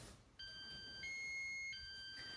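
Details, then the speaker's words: Soft electronic alarm tones alternating between two pitches, the low-volume level of the three sound settings of a Prius Ai1 hospital bed exit alarm, with medium and high levels following. "So first is the low alarm. There's an alarm button right over here on the left. You hit that once. Now it's the medium alarm."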